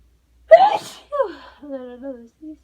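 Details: Person recovering from a cold, having taken medicine, trying to hold back sneezes: one sharp, partly suppressed sneeze followed by a brief voiced sigh and short vocal sounds.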